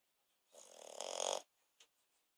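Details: Snoring in a sleeping French Bulldog: a single fluttering, buzzing snore of about a second, rising in loudness, then a short snort and quiet breathing.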